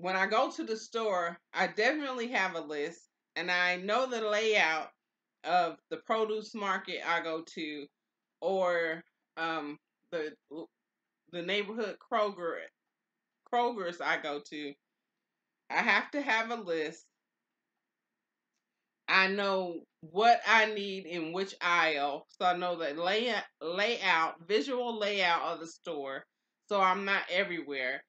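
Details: Mild aphasia after stroke in an adult woman, two years and four months into stroke recovery, who early on could not say the words she intended.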